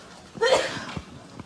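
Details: Sneeze from a K-pop idol sneezing compilation: one brief, hissing sneeze burst with a short voiced start, then soft room noise; an ordinary sneeze.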